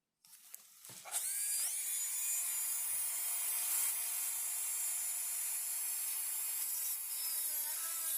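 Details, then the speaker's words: Simulated preparation of mandibular first molar (FDI #36) on a typodont for full veneer crown: sustained high-pitched dental high-speed handpiece whine cutting steadily while reducing lingual cusp height (mesiolingual done, distolingual next). "So, and if you look a bit lingually, you can now appreciate how I have reduced the height of the mesiolingual cusp, and it is still in the shape of a cusp. So I will do the similar thing for the distolingual cusp also."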